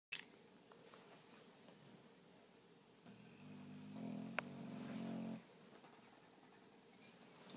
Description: Dog snores like humans